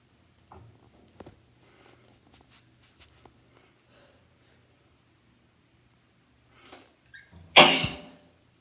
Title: 9 sneezes in a row with a twisted tissue (including sniffling, and sighing)